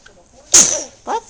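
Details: Sneeze from a young child watching SportsCenter: a single sudden, hissing burst of breath with a short voiced tail, followed by a brief vocal sound.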